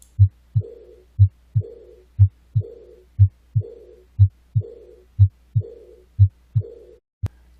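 A steady heartbeat at about 60 a minute. Each second heart sound is followed by a soft, blowing murmur that starts loud and fades through diastole. This early diastolic decrescendo murmur is the classic sound of aortic regurgitation, with blood leaking back through the aortic valve.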